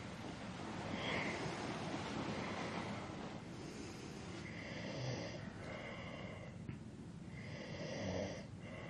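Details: Adult male snoring during sleep; irregular, rough snoring breaths partly buried in steady rushing background noise; snoring.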